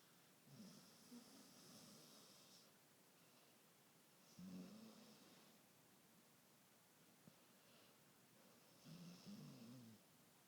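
Quiet, rough snores from a sleeping dog, coming roughly every four seconds with soft breaths in between.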